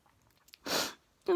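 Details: Sneeze just before bed, recorded in a dim utility room: a single sharp, noisy sneeze burst in a quiet room, followed by the start of a spoken reaction.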